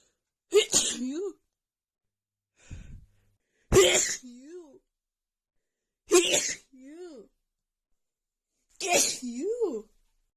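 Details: Four explosive sneezes in quick succession with gasping inhalations and vocal trailing: a sneezing fit from a female with a bad head cold and an unbearable nasal tickle.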